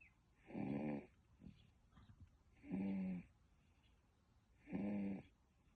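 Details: Three rough, buzzing snores about two seconds apart, roughly 29 breaths a minute, with quiet breathing between them; snoring.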